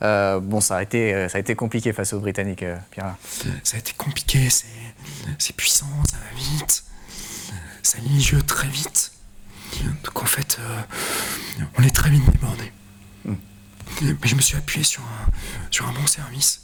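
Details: Adult male quad (tetraplegia-category) wheelchair tennis player with a neuropathy that he says affects his vocal cords; dysphonia.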